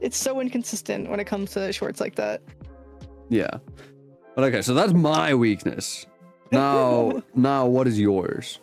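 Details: Adult speakers in casual conversation; ordinary conversational speech.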